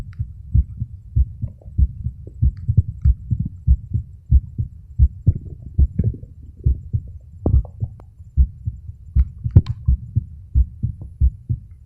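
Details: Self-recorded adult male heartbeat, phone microphone held against the chest over the auscultation sites: steady low double thumps at about 100 to 110 beats a minute; normal heart sounds.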